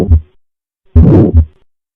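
Low heart thumps with a harsh whooshing murmur filling the gap between them: a systolic murmur from aortic stenosis, a narrowed aortic valve.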